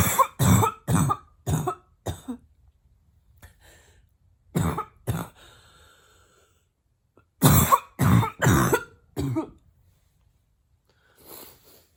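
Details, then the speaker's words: Adult female deliberately imitating a barking cough with mouth closed: short muffled harsh bursts; simulated, not real illness. "hard oh my go it's hard to keep my mouth closed when the coughs are so hard"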